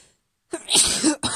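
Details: A female sneezing after waking, near the end of a cold: a single sharp, hissing sneeze after brief silence, then a short trailing breath.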